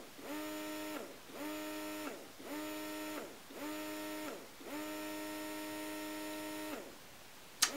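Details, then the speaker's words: Portable breast pump in stimulation mode, turned up: motor whining in five rhythmic pulls, the last held much longer, a long pull meant to help milk let-down. "did you just hear that really long pole so that long pole is supposed to help the milk kind of let down"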